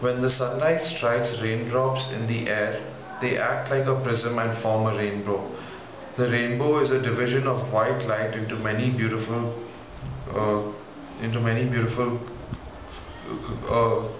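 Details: 24-year-old man who stammers, recorded before stammering therapy, reading the Rainbow Passage with repetitions. Stuttering.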